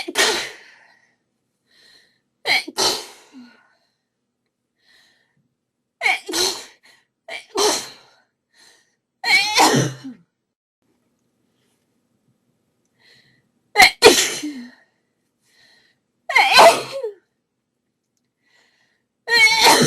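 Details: About twelve sharp, explosive sneezes over twenty seconds, several in quick pairs, from a female during a desperate sneezing fit with a very sneezy nose; audio only.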